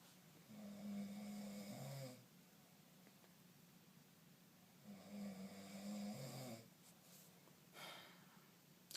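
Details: Sleeping adult snoring in a quiet room: deep, buzzing snores about every four to five seconds, roughly 14 breaths a minute.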